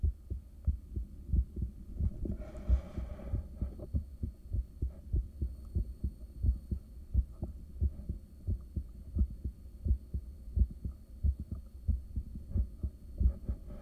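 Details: Adult's own resting heartbeat recorded by ultrasound in the early morning, soon after waking, caffeine and morning meds: steady, strong low thumps at about 90 a minute, a not-too-high resting rate but beating somewhat strongly.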